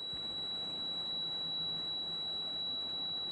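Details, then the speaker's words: Steady, piercing high-pitched whine over a constant whir from the polygonal laser scanner inside a running Nidek Mirante SLO-OCT retinal imaging device in an eye clinic; high-pitched scanner whine. "there is this laser the polygonal scanner that's inside the machine that can make the operator insane because everybody here is in the clinic and it's really high pitched and it sounds like this"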